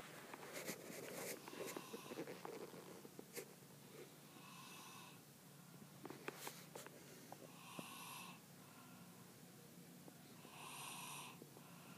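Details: Person snoring in Dubai: soft whistling snores roughly every three seconds over background rustling and clicks; ordinary snoring.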